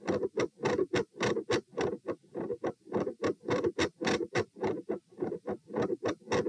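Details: Heart sounds recorded at the pulmonic position (P) in a stress test of lying, sitting, standing, then lying (72, 96, 108, 72 bpm): very quiet supine, loud sitting, regular at about 105 a minute, with a split S2; split second heart sound.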